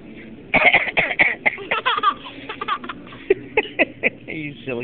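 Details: A father gives a run of short, sharp, deliberate coughs with some voiced throat sounds in a small room, coughing playfully to amuse a child.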